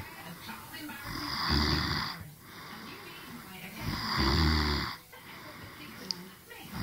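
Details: Deep, vibrating snores on each in-breath, about 21 a minute, in a quiet room; ordinary snoring.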